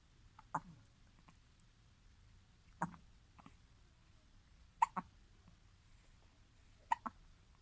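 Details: Baby girl on day 29 (as tagged): short, sharp gulping hiccups recurring about every two seconds, some in quick pairs, roughly 30 a minute.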